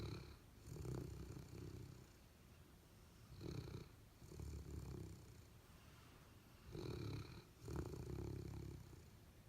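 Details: Golden Retriever and Labrador Retriever sleeping and dreaming, with deep, rumbling snores on the in-breath and slow, uneven breathing at about 17 breaths a minute; dog snoring.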